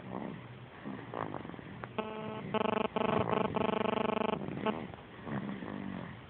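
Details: Sleeping dog snoring: low, rumbling, vibrating breath noises with a longer buzzing snore in the middle.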